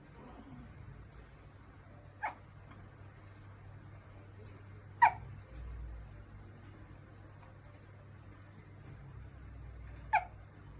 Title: 淡々としゃっくりをする新生児の赤ちゃん Cute Baby Hiccups